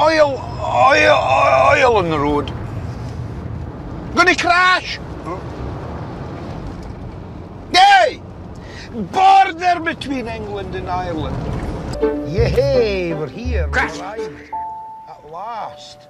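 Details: Adult man with Tourette syndrome whose speech is interrupted by involuntary vocal tics; vocal tics (Tourette syndrome).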